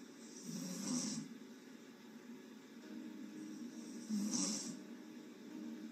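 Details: Sleeping woman snoring with mouth open: two slow, hissing snores about four seconds apart over a quiet room hum.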